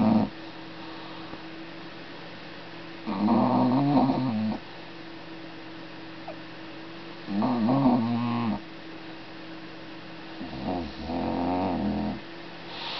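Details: Sleeper snoring: three rough, rumbling snores on inhalation, roughly 15 a minute, with quiet pauses between them; ordinary snoring.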